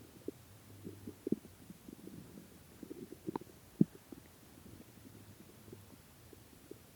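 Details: Quiet low gurgles and soft irregular rumbles over a hushed background after 76 hours (3 days 4 hours) without food: stomach growling (borborygmi) from an empty stomach.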